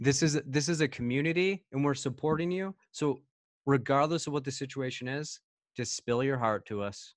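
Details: Adult male speaker; Normal voice.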